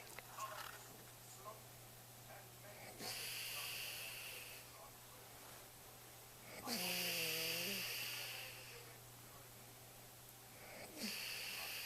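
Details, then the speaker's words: Adult woman asleep in bed, snoring lately: loud, harsh, rattling breaths roughly every four seconds, with steady room hum in the background; ordinary snoring. "see baby I told you you were snoring bye"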